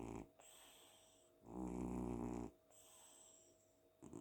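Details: Cat sleeping on a pillow at home after an active day, snoring like a man: a deep, rattling snore on the in-breath between quieter breaths, loud and low for a cat.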